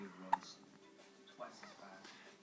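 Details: Infant boy with ordinary hiccups: two short, sharp hiccups over a faint steady background hum; the hiccups stop briefly, then return.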